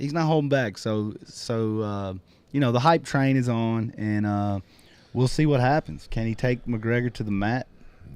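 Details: Adult male speaker; normal speech.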